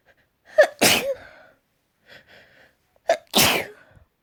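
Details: Two build-up sneezes, each with a sharp indrawn breath before an explosive burst, and a faint catch of breath between them; sneezing.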